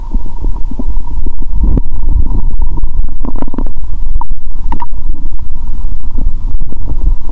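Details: Stomach growl heard through a stethoscope on the abdomen after more than 15 hours of fasting, while eating Mentos during a cola-and-Mentos session; she says the growl is amazing. Bowel sounds.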